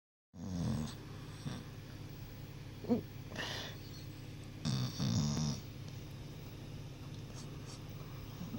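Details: Low snoring rumble with small snorts and muffled whimpers from a sleeping dog dreaming after a long day; snoring.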